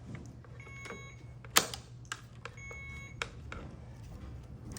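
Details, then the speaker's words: Infusion pump door-open alert: two short electronic tones with handling clicks over room hum as IV tubing for normal saline is loaded into the pump, prompting the door to be closed. "Then once that happens, it's going to beep because it wants you to close the door."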